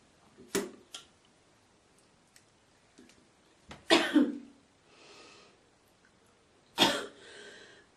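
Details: Girl coughing, hawking and spitting: a few coughs and harsh throat-clearing hawks with rough noisy bursts in a quiet room; cough and throat clearing.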